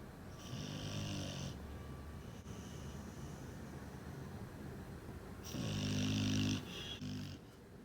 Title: Winter dreams and snores